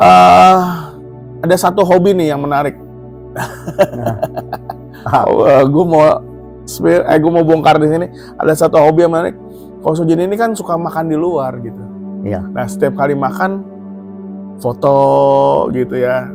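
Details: Adult man speaking Indonesian; ordinary speech.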